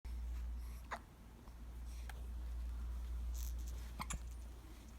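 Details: Hiccups in a 13-day-old newborn: soft, brief catches in the breathing a few seconds apart over low room hum, ordinary newborn hiccups.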